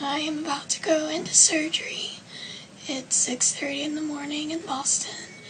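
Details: 28-year-old woman with HPV 6/11 recurrent respiratory papillomatosis diagnosed at 8 months. She has had over 300 surgeries, a tracheotomy at age 5–6 and a rib graft in her throat. Recorded before surgery to remove one vocal cord. Finding: dysphonia.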